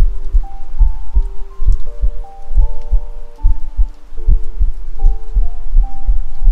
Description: 【ASMR/3dio】Self: heart beat.